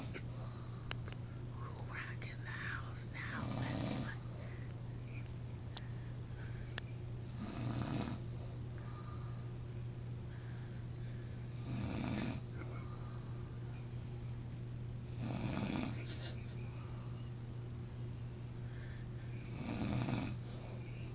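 Soft, low rumbling snores about every four seconds, roughly 14 a minute, over steady room hum; ordinary snoring.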